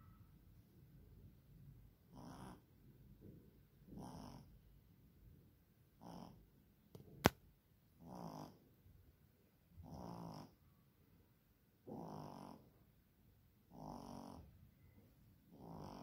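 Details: Soft, regular snorts about every two seconds from a sleeping young child; ordinary snoring.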